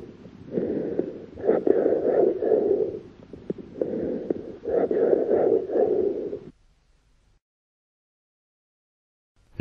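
Muffled breath sounds through a stethoscope with scattered brief crackling clicks over the breaths; post-tussive crackles.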